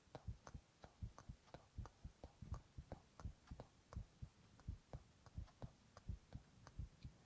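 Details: Male ASMR recording of his own heart sounds with whispered onomatopoeia: soft, steady thumping heartbeat about 80 beats a minute, faint background hum; normal heart sounds.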